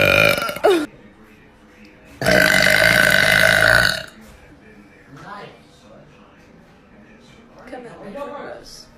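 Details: Girl burping, from a burp compilation: two loud burps, the second long and sustained, followed by faint talk and background music; burping.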